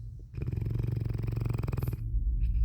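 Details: A giant dog in Germany snores loudly while flapping its lips: one loud, low, rapidly fluttering snore of about a second and a half with audible lip flapping.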